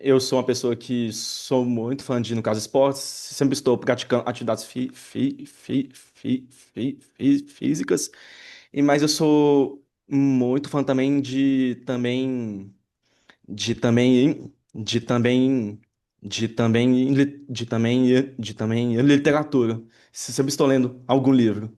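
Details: Adult man who identifies himself as a person who stutters, speaking with audible word and phrase repetitions; stuttering.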